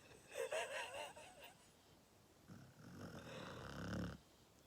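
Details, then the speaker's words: Sleeping puppy, needy and cuddled, gives a short high whimper, then a soft, slightly whistling snore in a quiet room. "favorite has been all three of them are snoring oh my God"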